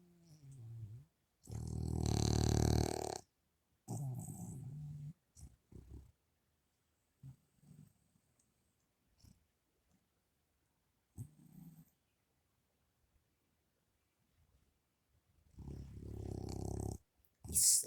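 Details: Sleeping dog, eyes open, snoring loudly: rough, rattling snores with quieter snorts and breathing noises in between.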